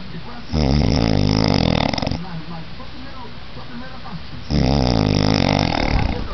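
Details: Person asleep in bed: loud, deep, rattling snores on two breaths with a quieter exhale between; heavy snoring.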